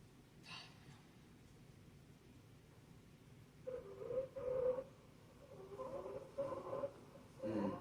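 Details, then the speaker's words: Teaching example of stridor lung sounds: repeated harsh, high-pitched tonal breathing noises from upper airway blockage or constriction, as heard with conditions like epiglottitis or mono. "Because Strider comes from Upper airway. upper airway. So a lot of times you'll hear this with things like epiglottitis I heard that with mono."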